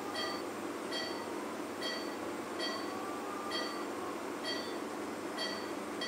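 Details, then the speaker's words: Steady hiss of an operating phacoemulsification machine with a short repeating beep about once a second, during quadrant removal emulsifying nucleus fragments in cataract surgery on a 65-year-old man with pseudoexfoliation and a non-dilating small pupil, after stretch pupilloplasty. "once the first heming nucleus is divided i'm going to change the settings to quadrant removal mode and i'm going to remove these fragments out of the bag and emulsify them subsequently the second hemenuclease is divided into smaller fragments and all the fragments are then emulsified"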